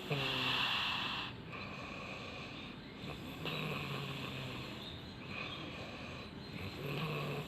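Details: Adult snoring in sleep; repeated raspy, whistling snores with each breath against steady room hiss.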